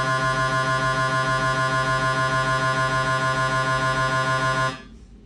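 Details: Siemens MAGNETOM Lumina 3 T MRI scanner running an abdominal T1 gradient-echo sequence: loud, steady buzzing drone with rapid rhythmic pulsing at about 200 a minute, stopping abruptly.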